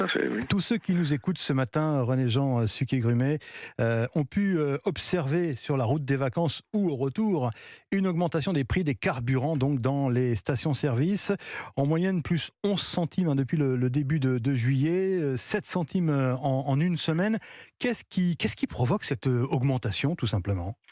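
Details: Adult male radio host; normal voice.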